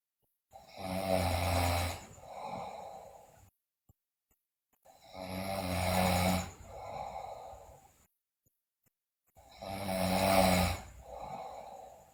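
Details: Sleeping girl snoring loudly, with bruxism, delirious: snoring.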